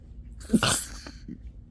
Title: Kinda tired sneezes...